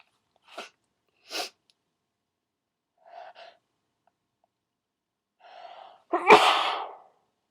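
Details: Requested, deliberately loud wet sneeze: quick inhaled gasps build up, then one loud explosive sneeze.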